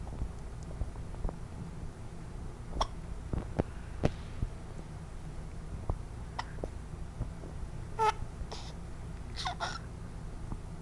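Short, sharp hiccup sounds repeat at irregular intervals over a low steady background rumble.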